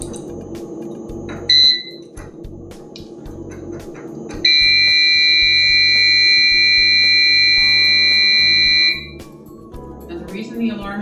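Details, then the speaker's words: HeartMate II LVAD patient on battery power switching to a backup controller: short tone, then a steady loud high-pitched controller alarm because the new controller is connected to the home power module but not yet to the pump. "off is because i've hooked it up to power but it's not hooked up to the pump so it's letting me know that if the pump is not attached to it so silence the alarm"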